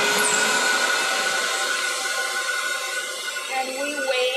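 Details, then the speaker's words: Vacuum former running with a steady loud whooshing roar, after the heat is turned off and the vacuum turned on, forming a dental nightguard for a family member with bruxism (teeth grinding). "so oops I turn off the heat I turn this away we turn the vacuum on"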